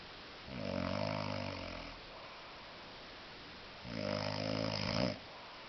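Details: Two deep, buzzing snores with short quiet gaps, from a man sleeping heavily while very drunk after a heavy drinking session.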